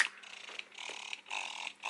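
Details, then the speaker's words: Soft rhythmic whirring and hissing suction pulses from a portable Medela Freestyle electric breast pump running, described as pretty noisy. "But like I said, it is pretty noisy. That's really all there is to this pump."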